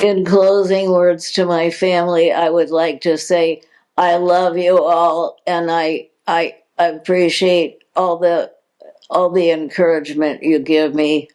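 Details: Adult woman diagnosed in 2020 with progressive supranuclear palsy, a progressive neurological disease with no cure: hypokinetic-type dysarthria with word repetitions in progressive supranuclear palsy.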